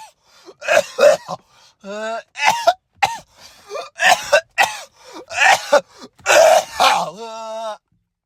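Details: Harsh, rapid coughing fit of about ten bursts broken by strained voiced groans, from a man in a car, apparently after smoking.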